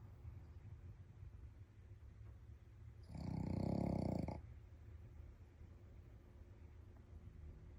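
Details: One loud, low rumbling snore lasting about a second against quiet room noise, from a sleeping Shih Tzu dog; snoring.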